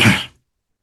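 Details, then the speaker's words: Cough from an adult man who says he has a heavy cough: one short, harsh cough or throat-clearing burst. "Mohon maaf suara saya ee saya lagi batuk berat."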